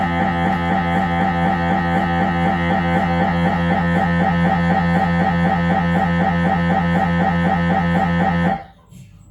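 Loud, steady rapid buzzing knock, about four a second, stopping abruptly near the end; normal noise of an MRI head scan.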